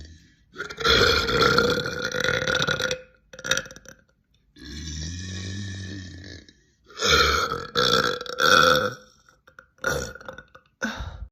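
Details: Compilation of girls burping: several long, loud, voiced belches, one low and drawn out.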